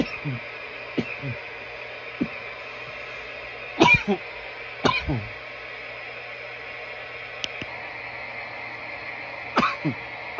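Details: From nearly 10 minutes of coughing: repeated short coughs, some paired, about six bursts over ten seconds, with background hum.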